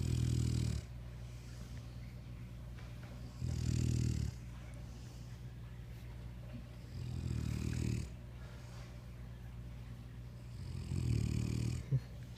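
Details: Sleeping dog snoring loudly: low, rumbling snores, four in about twelve seconds (roughly 17 a minute), with quiet breathing between them.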